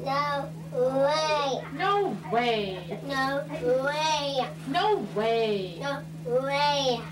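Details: Young boy in speech therapy for childhood apraxia of speech, practising a repeated phrase while the clinician varies rate and rhythm; childhood apraxia of speech.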